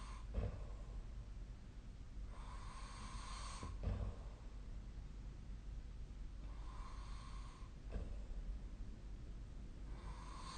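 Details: Soft, regular breathing with faint snoring, about three breaths per ten seconds over low room hum, from a nightly sleep recording; snoring.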